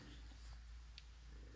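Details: A sleeping woman, the recorder's mother, snoring in the background of an indoor recording.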